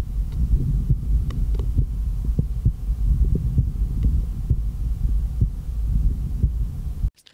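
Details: Normal heart sounds heard through an MDF ProCardial or MD One stethoscope in a comparison: regular low heart thumps at about 66 beats a minute with a steady background hum.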